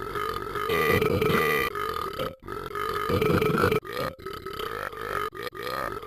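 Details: Person belching repeatedly without stopping: long, croaking voiced belches almost without pause, about five or six in six seconds, in a small room.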